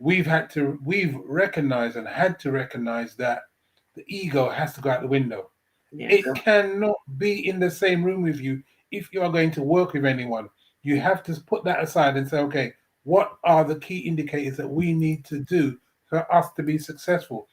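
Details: Adult speaker; ordinary speech.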